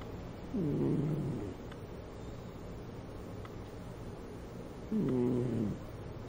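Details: Cat with severe nasal congestion since a cold when adopted, still congested after recovering, snoring loudly while asleep: two loud, rough, low snores about four seconds apart with quiet breathing between.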